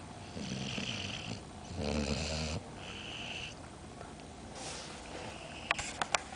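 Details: Snoring: three rasping, fluttering breath sounds within a few seconds, followed by faint clicks.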